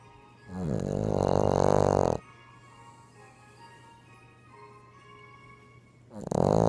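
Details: Female Boston Terrier snoring, with two loud, rattling, drawn-out snores about four seconds apart over a steady hum and faint music; dog snoring.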